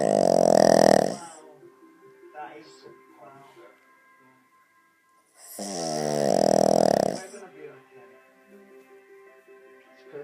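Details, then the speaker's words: Dog sleeping on his back: two loud, drawn-out, rattling snores about five seconds apart, with quiet breathing between. Snoring. "It's like a pneumatic drill."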